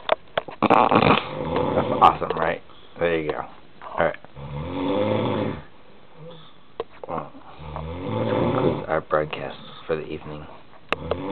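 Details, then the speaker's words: Adult man snoring while asleep, recorded by his fiancée and likened to a Darth Vader noise: repeated rattling, wheezy snores with snorts between breaths; snoring. "I've got a snore but you know what she's awesome"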